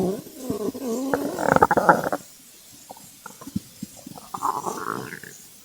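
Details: Long gurgling rumble followed by scattered bubbling pops: stomach growling (borborygmi) from hunger, recorded as ASMR.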